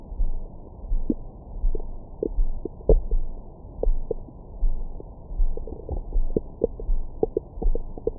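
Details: Low rumbling with scattered gurgles and brief squeaks over the abdomen, recorded with a Stemoscope stethoscope microphone after a large meal for ASMR: ordinary bowel sounds, stomach growling.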